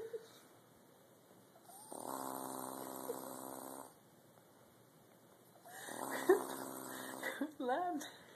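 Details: Two long, buzzing snores about two seconds each, separated by quiet pauses, from a person passed out asleep; snoring, brief voices at the end.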